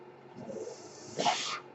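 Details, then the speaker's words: Breath cycle of the podcaster's own mechanical ventilator, heard while he speaks: a soft airy rush, then a sharper hiss of air lasting under half a second. "Hello, everyone. My name is. And that noise you're hearing is my ventilator."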